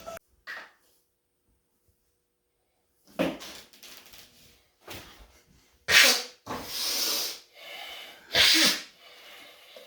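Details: Person deliberately trying to make themselves sneeze after sniffing red and black pepper in a timed challenge: sniffing, breathy build-up, then two forceful explosive sneezes amid laughter.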